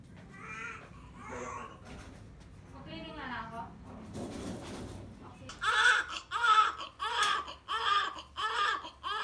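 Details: Newborn baby boy minutes after normal vaginal delivery: soft whimpers build into strong, rhythmic crying bursts, with quiet room noise behind.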